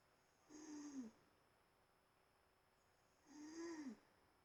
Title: Wow My Mom is snoring really loud